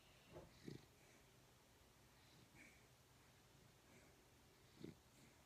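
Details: Dog in very deep sleep: a few soft, low snorting breaths spaced several seconds apart in a quiet room; light snoring, which the owner links to REM sleep and possible sleep apnea.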